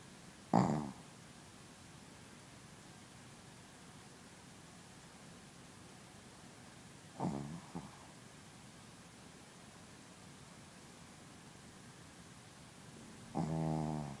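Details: Princess, a Shih Tzu, gives three loud snoring breaths about six seconds apart, roughly ten breaths a minute, with quiet between them. Snoring.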